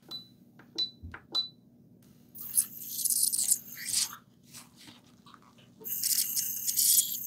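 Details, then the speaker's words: Ultrasonic dental scaler cleaning an orthodontic patient's teeth with braces and bleeding gums, back teeth first: high-pitched hiss and water spray with suction, short tones and clicks between passes. "You'll also feel some vibration. You may feel some, you know, sensitivity, but that's normal, okay?"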